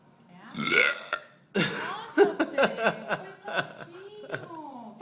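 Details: A long, low, voiced belch followed by brief bursts like a child's startled cries; burping.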